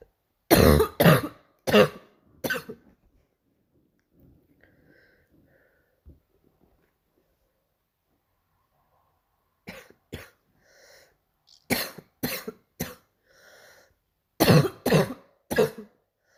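Bursts of harsh, barking coughs in short clusters, an adult's practiced imitation of a barking cough.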